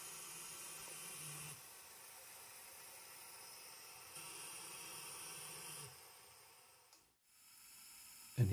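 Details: Prototype fluidic assisted pressure-controlled ventilator made of two carved plastic panes, run on a test setup, not a patient: steady airflow hiss switching between two pressure levels every few seconds as it cycles.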